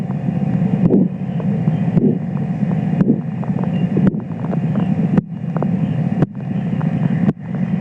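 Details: Sharp regular taps about 57 a minute over a steady low rumble, recorded during simultaneous left and right arm blood pressure measurement as the cuff deflates; Korotkoff sounds.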